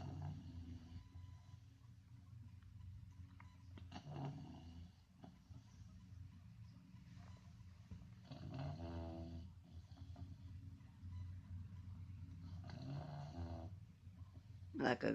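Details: Deep, rumbling snores recurring every four to five seconds over a steady low hum from a sleeping dog, loud and sounding like a human's; snoring.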